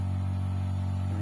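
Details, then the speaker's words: Steady low motor hum of a SXT-1A medical suction pump just switched on; described as fairly quiet, not noisy. "suaranya seperti ini ketika sudah dihidupkan guys Oke Mantap kan suaranya tidak terlalu besar jadi nggak terlalu berisik"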